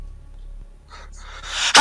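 Quiet, rising breathy intake that ends in a sudden loud burst: a sneeze with its gasping wind-up.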